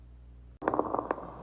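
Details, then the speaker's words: Fine crackles on lung auscultation, an example from a teaching video: brief, fine crackling pops through a stethoscope, like hairs rubbed together or Velcro. "escutem sobre os crepitantes chamados de estertores finos tem a audição como se fosse frisando fios de cabelo ou então o fecho de velcro"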